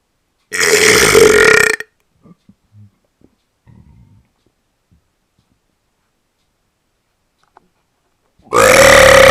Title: Der Trottel rülpst wieder The idiot burps again